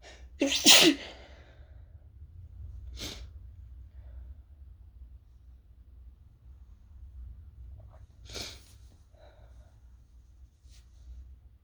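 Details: Sick person with a sore throat sneezing after toasting chili peppers, trying to stifle the sneezes: one full, forceful sneeze, then two short, partly stifled sneezes, with quiet room noise between.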